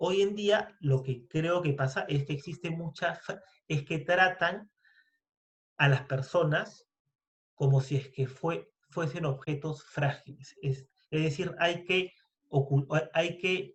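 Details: Adult man who stutters, speaking Spanish in a podcast conversation; stuttering.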